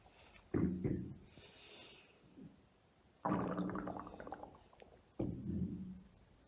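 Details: Bowel sounds (borborygmi) from a woman's abdomen: three deep, low, gurgling tummy rumbles with bubbling trails and quiet gaps between them.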